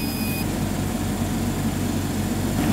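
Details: EE-OXY++ PSA oxygen concentrator (93% O2 at up to 10 L/min, 220 V) just after being switched on: brief tone, then a steady low rumbling compressor whir while it warms up for about 3 minutes.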